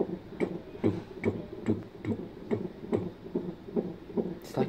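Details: Fetal heart tones on Doppler: rapid, regular whooshing thumps at about 140 beats a minute.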